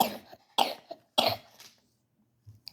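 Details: Child coughing while reading a storybook aloud: three short, rough coughs about half a second apart, followed by quiet breathing.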